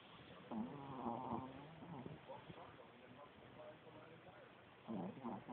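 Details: Sleeping Chihuahua dog snoring loudly: buzzing, voiced snores with a whistling tone; snoring.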